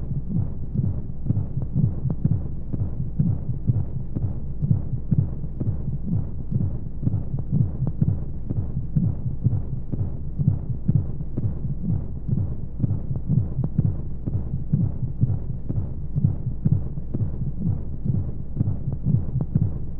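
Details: Baby sleep-aid womb sound: steady, muffled low heartbeat thumps at about 125 a minute under a soft rushing hiss and white noise, like a heartbeat heard from inside the womb.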